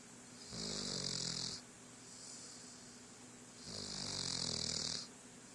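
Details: Snoring.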